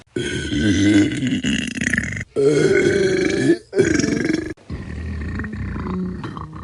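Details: Sound-effect compilation: three long, loud, rumbling belches in a row with brief gaps; prolonged burping.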